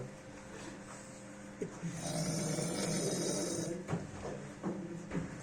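A long rough rattling snore on the breath in, with room noise and a steady hum behind it: snoring.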